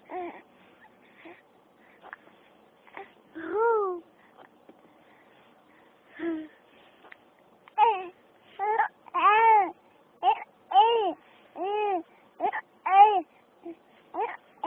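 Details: Infant with hiccups: short, repeated, voiced hiccup-like squeaks between quiet pauses. Infant hiccups.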